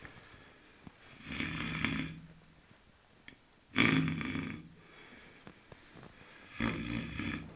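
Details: Guard dog snoring at night while asleep: three slow, noisy breaths with a rattling low buzz, a few seconds apart, separated by quiet exhalations.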